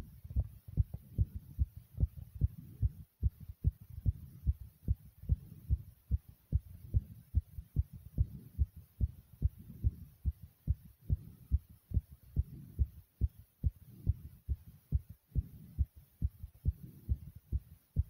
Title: My Powerful Pounding Heartbeat ❤❤